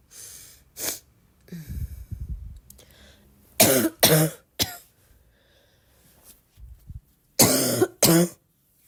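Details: Several harsh cough bursts come in pairs, with throat clearing and breaths between them. The person says the more they cough, the more they feel like coughing.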